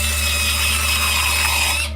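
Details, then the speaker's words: A steady, high-pitched whine with a low hum underneath, lasting about two seconds, from a dental drill drilling into a tooth during a root canal on teeth shattered by a punch. "root canal they drill into your tooth"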